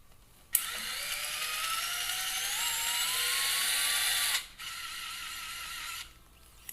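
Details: High-pitched power driver motor whine rising in pitch for about four seconds, a brief pause, then a shorter second run: placing a guide wire during anterolateral distal tibia plate fixation surgery for a distal tibia fracture.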